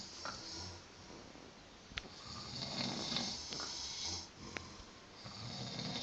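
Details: Slow rising and falling rough breathing with occasional clicks and room noise, recorded on a trip in Bulgaria; ordinary snoring from sleeping adults.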